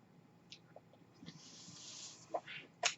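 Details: Speaker's own mechanical ventilator, heard during his podcast talk: a soft rising hiss of airflow with a few faint clicks, a ventilator breath cycle.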